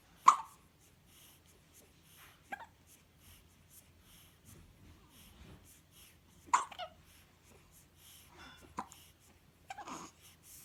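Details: Hiccups in 2½-week-old newborn twin boys: soft, sudden catching breath sounds repeating every few seconds between quiet infant breathing; normal newborn hiccups.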